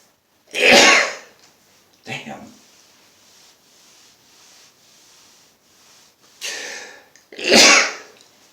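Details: Adult man who has been sneezing non-stop all day: two loud, explosive sneezes with a smaller sneeze or throat sound between them, in a quiet room; sneezing fit.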